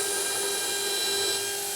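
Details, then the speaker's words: Surgical pilot drill with a 12 mm drill stop preparing the osteotomy for narrow-diameter implants in the anterior mandible, pumped up and down to full depth: continuous high-pitched handpiece whine. "Next step is I take my 1.2 two on a 12 mm drill stop and I line up according to where I'm going to bodily position my implant"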